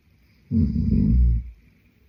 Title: Snoring Boyfriend | My favorite Whitenoise | pt2